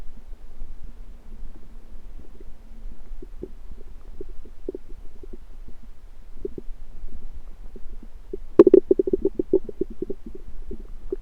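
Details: Borborygmi.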